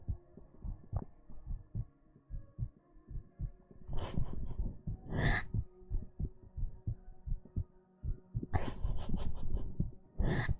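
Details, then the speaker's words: Soft low thumps in a steady rhythm with rustling and handling noise, a normal heartbeat picked up close to the chest during a live 3Dio binaural ASMR stream. "don't think we've done heartbeats this successfully before. They're pretty audible."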